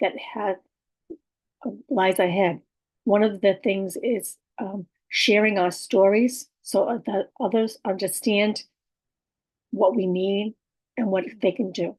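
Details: Adult woman with aphasia, apraxia of speech and dysarthria, communication challenges for about six years, speech sometimes hard to understand; aphasia with apraxia of speech and dysarthria.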